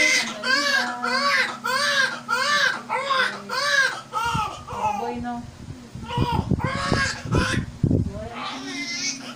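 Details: Newborn's cry right after a fast, normal vaginal delivery (mother 9 cm dilated): strong, rhythmic repeated wails about 100 a minute, then softer cries amid room noise and voices.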